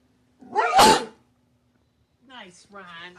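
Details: Person sneezing in front of a dog: a single loud, explosive sneeze, followed after a pause by a short whine-like vocal sound from the dog.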